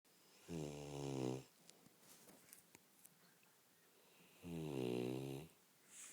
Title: Snoring st Bernard funny